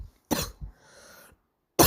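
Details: A girl of unknown cause coughs: short, harsh barking coughs with a breathy inhalation between them.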